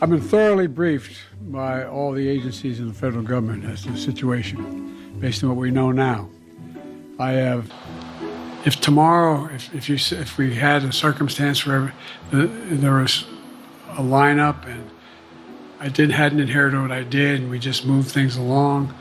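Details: Man, US president, described as having long-standing stuttering, with long pauses, misspoken words and difficulty forming sentences spontaneously noted; not clinical aphasia; stuttering.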